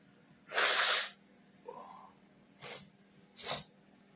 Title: Big Sneeze and Nose Sniffing #sneezing